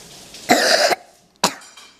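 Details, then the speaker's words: The presenter's young son with croup, who was hoarse and looked unwell, gives two harsh, seal-like barking coughs; stridor was heard on breathing out. "had the barking cough the hoarseness he looked unwell and as he was breathing out you could hear that obstruction airflow which we call stray door"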